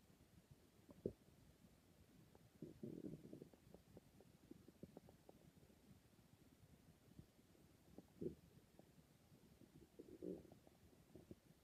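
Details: Stomach growling: quiet low gurgles and brief bubbling bursts over a faint hiss, normal bowel sounds (borborygmi).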